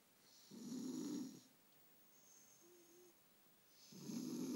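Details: Sleeping cat snoring like a person: loud, rough snores with a faint whistling sound between them.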